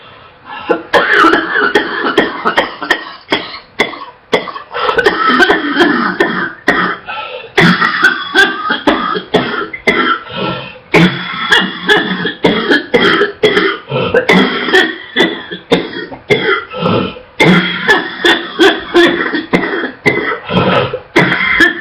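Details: Girl coughing non-stop, barely able to catch her breath, coughing so much she gags: repeated harsh bursts in rapid runs with little pause for breath, a barking and wet cough.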